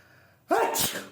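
A single sudden, voiced sneeze with a sharp burst of air, then silence.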